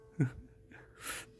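A small voiced catch followed by a soft, hissing burst of air, fitting a single infant sneeze.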